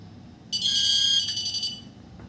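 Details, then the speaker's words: Wireless RF nurse call alert tone set off by pulling a washroom pull-cord transmitter, received at nurse station panel with adjustable buzzer loudness; high steady electronic tone for about a second, then fading. "as you can see pressing it sends wireless rf alert signals to the corresponding receiver panel the tuner knob modulates the buzzing loudness"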